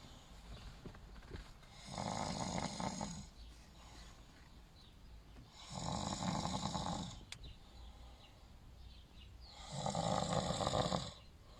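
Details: Three loud, rough snores on the in-breath about 4 seconds apart, roughly 15 breaths a minute, quiet between, in a sleeping man: ordinary snoring.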